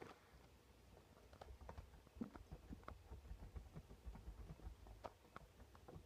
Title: Stomach Noises 3